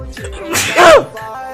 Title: 6 sneezes combo